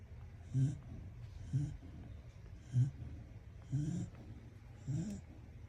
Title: Hilik yarn 😂 #pagodmagpadede #snoring #dog #doglovers #shortsvideo